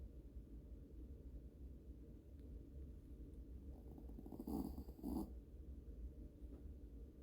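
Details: Sleeping Yorkie dog snoring: low, rumbling, rattly breathing throughout, likened to a Harley motorcycle, with a couple of louder snorting breaths near the end.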